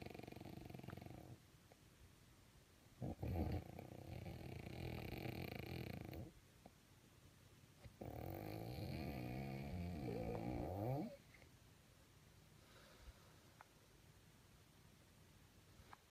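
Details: Woman snoring: long, loud, rattling snores lasting several seconds each, separated by quiet pauses; heavy snoring.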